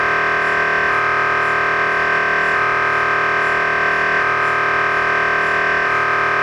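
Loud, steady electronic buzzing and droning with a regular repeating cycle, typical of an MRI scanner running a sequence.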